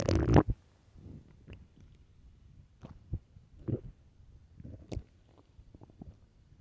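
Low gurgling rumbles and squelching bubbles from the belly, one louder burst at the start; ordinary hunger stomach growling.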